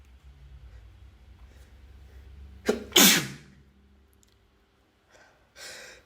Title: another sneeze compilation (M)